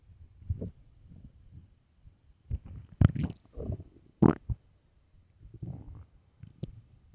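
Irregular gurgling rumbles and sharp squelching pops from the belly between quiet gaps, loud stomach growling of an empty, hungry stomach.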